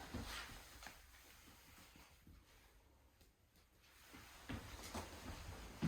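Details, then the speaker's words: Resonant percussion note on posterior chest during a lung exam, patient's arms crossed over chest; soft hollow finger taps sound resonant, normal. "And everything does sound resonant."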